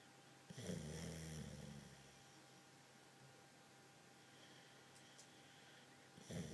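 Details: Dog snoring while sleeping and dreaming a bit: a low, rumbling snore on the in-breath, then a quiet pause before the next; steady room hum underneath.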